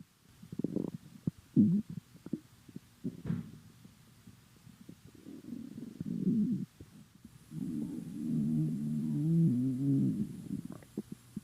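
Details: Hungry, empty stomach: gurgling, rumbling stomach noises with bubbly and squeaky tones, bowel sounds (borborygmi).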